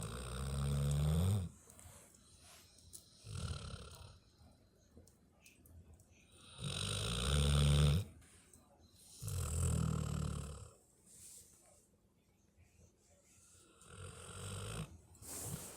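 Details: A sleeping puppy, described as a Canadian guard dog, snoring: deep rumbling snores, a handful of long breaths with quiet gaps between, in a quiet room.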